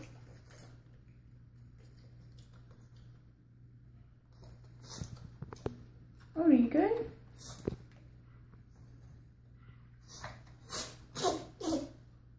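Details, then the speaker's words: A dog gives several short, sharp nasal bursts in quick succession over low room hum: a sneeze attack, a bout of sneezing. "Odie? You got a sneeze attack? You good, buddy?"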